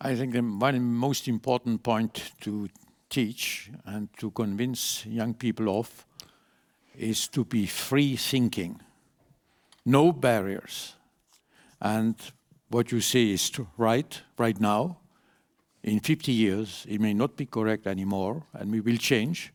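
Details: Adult man; typical speech.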